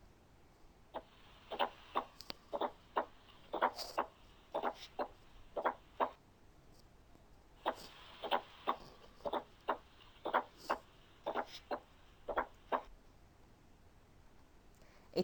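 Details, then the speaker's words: Teaching case, stethoscope bell (cone) at the apex: heart sounds at about 60 a minute with no murmur but a soft added diastolic sound just before S1: fourth heart sound (S4). "بما ان انا مش سامع بالظبط، مش سامع ميرمر، انا سامع added sound، فانا بدور على S3 او S4. هما موجودين during diastole. طب هما بعد ال S2 على طول ولا قبل S1؟ هي قبل S1 على طول، فدي S4."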